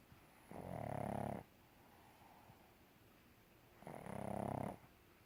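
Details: Snoring in a pug: two long, rattling, buzzy snores about three seconds apart, with a quiet pause between each.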